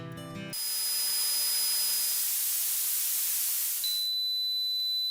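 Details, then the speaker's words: Simulated tinnitus: a brief musical fragment cuts to loud hissing with steady high-pitched tones, mimicking the ringing in the ears heard after a concert, stadium or loud party that sometimes persists. "Probablemente hayas oído este sonido, después de un concierto, luego de ir al estadio o en una fiesta con música alta. Y aunque lo común es que luego de un rato este sonido te abandone, hay veces que persiste y se transforma en un problema."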